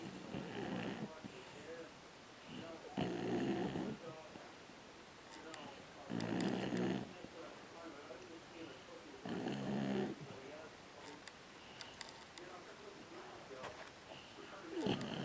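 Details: Sleeping dog snoring after a hard day, with loud, regular rumbling snores about every three seconds, roughly 19 a minute, in a quiet room.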